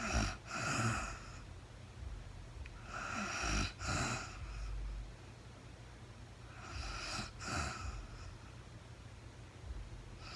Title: real time sleeping woman snoring no talking REM Anxiety relief return of beauty.